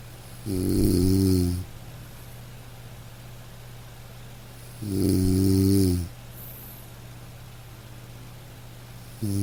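Two long, low, rumbling snores about four seconds apart, roughly 14 a minute, with quiet breathing pauses between them in a still room.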